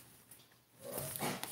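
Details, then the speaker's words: A pet named in the clip coughs, a brief, harsh, breathy hacking burst after a quiet moment; the cough is why she is due at the vet tomorrow. "Oop, that's Carmen coughing, if you can hear her. That's why she's going to have to go to the vet tomorrow."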